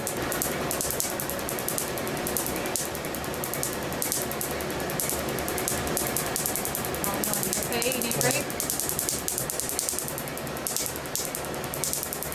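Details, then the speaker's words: Laser tattoo removal on an adult male patient's first treatment session: rapid sharp snapping laser pulses, about two per second, over machine hum as ink is broken into tiny particles. "Rapid absorption of the laser energy causes the ink to break into tiny particles which are then removed by the body's natural filter system"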